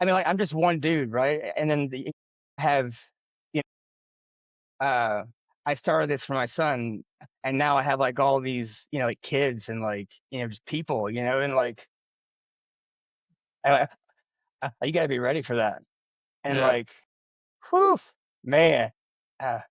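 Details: Adult man who has stuttered since childhood, speaking in an interview; stuttering.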